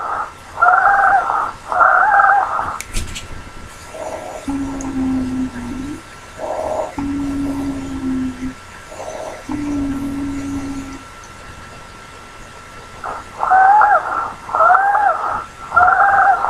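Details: Wheezes: musical, whistling breath sounds, some high-pitched and some low steady tones; abnormal lung sound recording from a Spanish-language teaching lecture on adventitious breath sounds.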